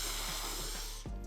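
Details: Demonstration of a lateral lisp, in which air escapes sideways instead of flowing straight forward, producing a slushy sound.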